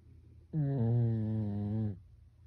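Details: Pekingese dog snoring: a single drawn-out, deep, rattling snore on one breath, much like a person's snore.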